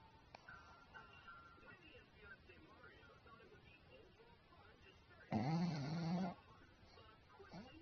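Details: Snoring.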